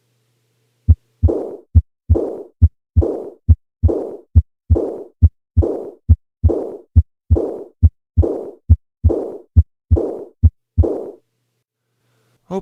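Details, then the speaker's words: 35-year-old woman with a known heart murmur and chronic exercise intolerance, heard best at the fourth left intercostal space: regular rate near 69/min, soft blowing decrescendo diastolic murmur after S2, aortic regurgitation. "the timing for this murmur sounds different than the previous two examples that's because this is a diastolic murmur its shape de Crescendo and what about its quality I think many people would agree that it sounds blowing in nature"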